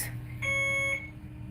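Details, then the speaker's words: Single steady electronic beep about half a second in a quiet room: an IV infusion pump alarm signalling one medication has finished, for a hospitalized mother on chemotherapy awaiting unexpected surgery for a perforation. "it's your iv you're done with the one medicine um but that they sorry for the beeping but i don't have a choice here"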